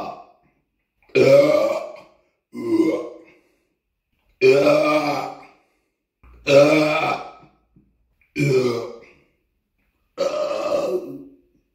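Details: Repeated burping after drinking cheap cola: six long, loud, throaty belches in about twelve seconds separated by silence, recorded on a Samsung Galaxy S9 phone; burping.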